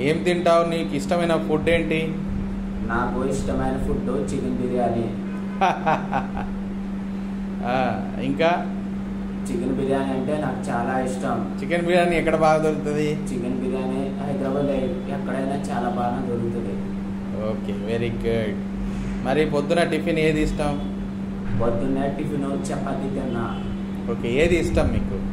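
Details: Young male with puberphonia, speaking in conversation before voice and speech therapy (voice later shown changing to a male voice after about 2–3 weeks of therapy): puberphonia.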